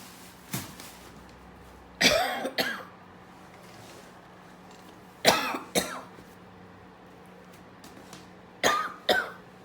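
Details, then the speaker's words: Adult coughing in the morning on first waking: three short paired bouts, about six coughs, in a quiet room; the person attributes the cough to frequencies to the lungs. "It's December the 11th, 2020, and that is the way it is to cough in the morning when you first wake up. Sure, it has to do with frequencies to the lungs."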